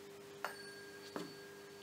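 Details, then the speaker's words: Tuning fork struck for CN VIII examination, demonstrating simulated right-sided sensorineural deafness; faint sustained pure tone after two light taps, used for Rinne test, where the patient hears it louder in front (Rinne positive, normal both ears). "so this is a tuning fork and it airs like this it feels like this and sounds like this"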